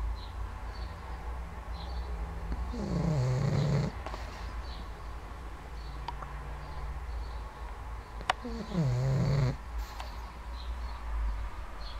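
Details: Six-year-old pug snoring early in the morning: two loud rasping snores about six seconds apart, each sliding down in pitch, over steady low room hum; snoring.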